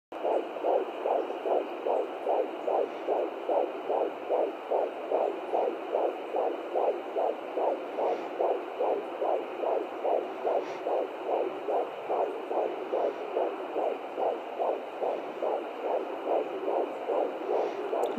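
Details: At-home Doppler at 15 weeks 2 days of pregnancy: rapid, regular whooshing pulses of the fetal heartbeat at about 146 beats a minute, which sound different from different probe angles.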